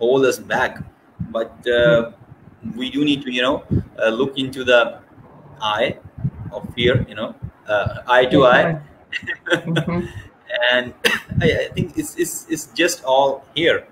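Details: Stuttering in a woman from Scotland who describes having a speech condition (stammering).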